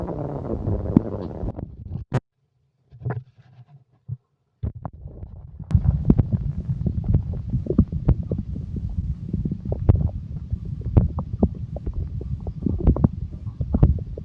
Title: the sound stomach growling versi exotic